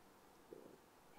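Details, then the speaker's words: Brief, soft gurgling rumble of the speaker's own stomach close to the microphone, over quiet room noise; stomach rumbling (borborygmi). "I do apologize if you can hear my tummy rumbling. It's very close to the microphone."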